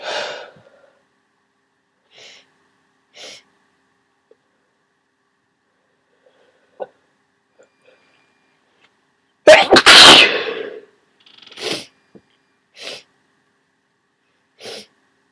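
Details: One large, forceful sneeze with a sharp explosive burst among quieter breaths and sniffs; huge sneezing with a cold.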